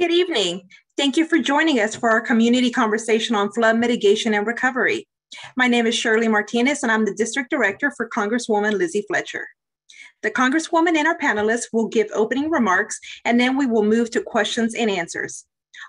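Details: Adult woman; typical voice.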